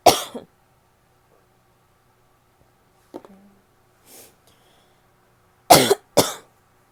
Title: barking cough (f)